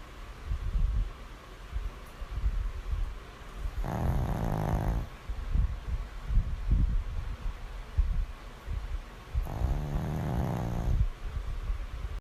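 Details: Dog snoring: two long, rough, rattling snores on the in-breath about six seconds apart, with soft snuffling breath noise between them; ordinary snoring.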